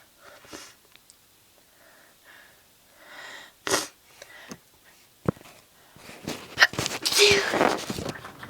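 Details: Repeated sneezing while trying to stay quiet so as not to wake a sister: quiet sniffs and a build-up, then forceful, nasal, snorting sneeze bursts, followed by needing to blow the nose.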